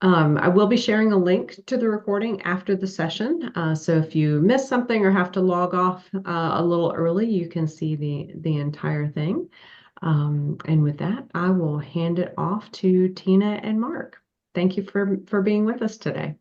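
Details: Adult speaker; normal voice.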